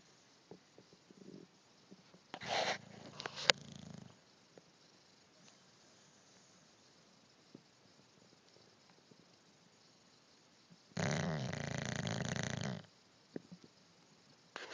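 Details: Snoring during sleep: two rough, noisy snoring breaths about eight seconds apart against a quiet room.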